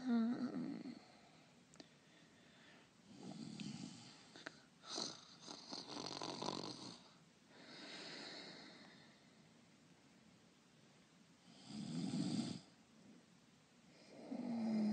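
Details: Simulated snoring, an actor's voice-over imitation: soft rumbling snores with whistly, breathy exhalations and some clicks in between.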